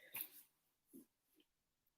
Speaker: yep that was my stomach growling if you heard anything it's still gonna grow